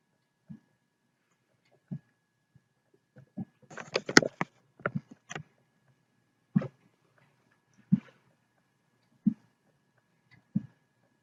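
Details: Rapid hiccups, short sharp bursts about every second and a half, with a cluster of longer throaty burps midway.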